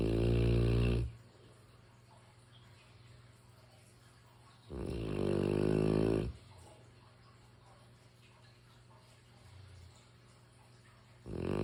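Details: Snoring from a sleeping mastiff dog: deep, rumbling snores, one long snore every few seconds with quiet breathing between.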